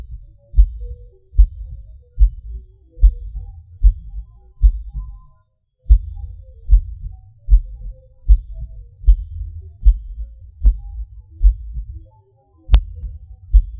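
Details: Self-recorded heartbeat with PVC/PAC premature beats, felt as a sudden rush or falling: low thumps at about 75 a minute with an uneven rhythm, a pause and an early extra beat.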